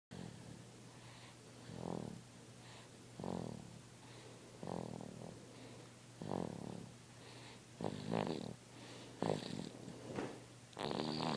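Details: Snoring from a sleeping baby girl who was very tired: soft, irregular snoring breaths, about 20 a minute, over steady room hum; normal sleep snoring.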